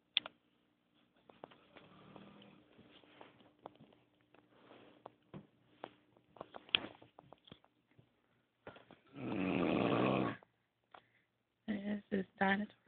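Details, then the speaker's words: A woman asleep in a very dark room, lying right next to the recorder, has quiet irregular breathing, then a long loud rasping inhalation and a few shorter grunting snores; snoring loud enough to hear from another room. "R snoring a this is why I can't sleep I even right next to her"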